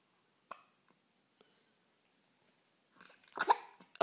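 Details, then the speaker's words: Morning hiccups that reportedly happen every morning and cause no distress: a few soft, abrupt hiccup clicks in quiet, then a louder burst at the end. "Oh, you get hiccups every morning, don't you? Good thing you don't mind them."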